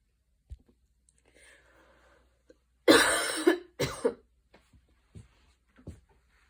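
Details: Evening asthma cough in an adult after walking and running outside in the rain with intense breathing, inhaler used: two harsh, forceful coughs with faint breathy sounds around them.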